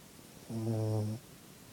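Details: A sleeping puppy in a quiet room gives a single low, droning snore lasting under a second.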